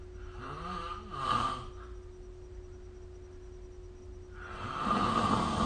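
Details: Snoring during sleep recorded with the SnoreLab phone app: two rough, rattling breaths several seconds apart over a steady low electrical hum; snoring.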